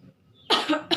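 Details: Staged demonstration of cough etiquette, covering the mouth during COVID-19: a single loud, dry cough followed by a short second burst.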